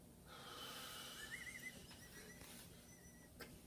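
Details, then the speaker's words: Lung auscultation in an adult male during a primary patient assessment, on 15 L/min oxygen by non-rebreather mask, breathing on command: one long, soft, hissing exhalation with faint squeaky background tones; normal breath sounds, lungs clear. "Breathe in. Breathe out. He seems to have clear lungs."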